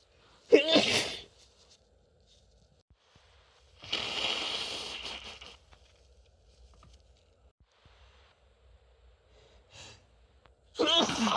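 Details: Person with a cold: two sharp sneezes, a longer noisy nose-blowing blast and a short sniff, separated by quiet gaps; sneezing with a head cold.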